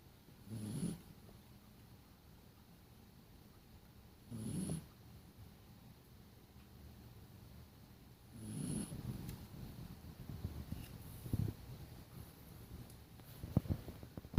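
Soft, low snuffling snores from a sleeping dog, about one every four seconds, over faint room noise.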